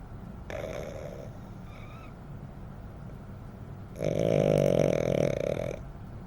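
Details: Blind rescue dog snoring: two snorting, rumbling breaths on breathing in, the second louder and longer, in a quiet room.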